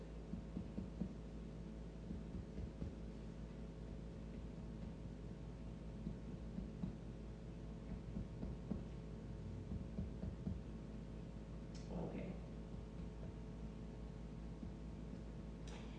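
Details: Percussion of adult volunteer's chest while seated, from mid-axillary line along the heart border: repeated soft finger taps giving a normal resonant note.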